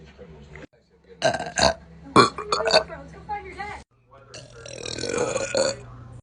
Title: Cute girl burping loud after sprite challenge long burp soda burp (name won’t be given for privacy)